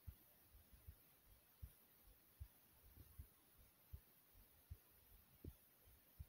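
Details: Soft, steady low thumps of an adult heartbeat at about 78 beats a minute over faint hiss; normal heartbeat.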